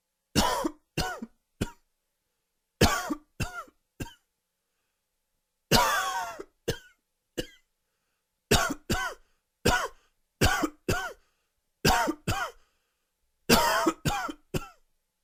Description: Dry and wheezy coughing fit. Allergies!!!